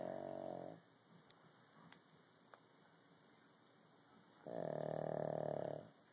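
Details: Snoring, recorded on an Android phone.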